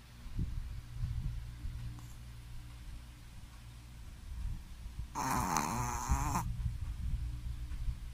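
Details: Shih Tzu dog snoring very loudly in sleep: low rumbling breaths with one louder, raspy snorting snore in the middle, in a quiet room.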